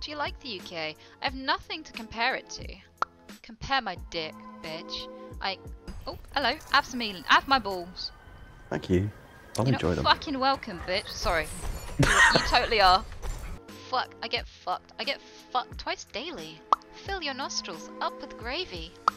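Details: Tourette syndrome vocal tics with coprolalia in a female streamer who describes her Tourette's as quite severe; her tics are inappropriate responses, triggered by tiredness and caffeine.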